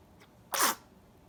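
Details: A one-month-old baby boy sneezing: a single quick, breathy sneeze after a faint intake of breath.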